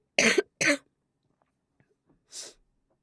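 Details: Woman with a cold, cough getting worse and throat strained from singing: two loud, harsh cough bursts, then a softer third cough after a pause; cough.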